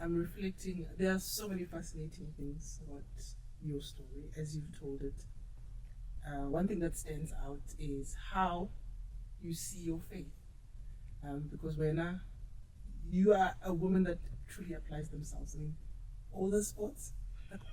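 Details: Adult woman speaking; normal speech.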